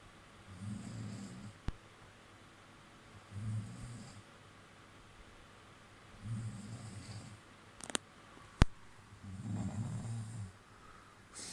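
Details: Sleeping girlfriend snoring while horror film watched: deep, low rumbling snores with each breath, about four in eleven seconds, with a few sharp clicks from the room between.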